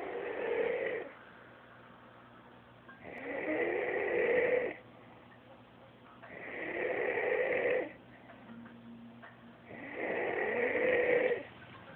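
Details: Steady snoring: loud, rough snores roughly every three seconds, about 17 a minute, with quiet pauses between them.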